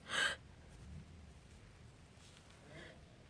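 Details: Sneezing fit: one sharp sneeze burst followed by quieter sniffing breaths through the nose; a terrible sneeze with big sniffles.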